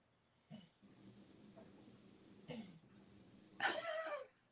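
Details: Sleeping dog dozing nearby: three rough snorting breath sounds over a faint steady hum, a dog snoring.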